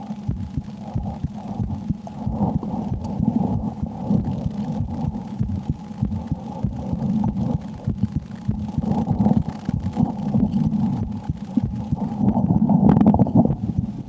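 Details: Own heartbeat heard through a stethoscope while playing the horror game Slender: The 8 Pages, said to change with extreme fear. Fast, muffled thumps under a steady low hum and rubbing noise.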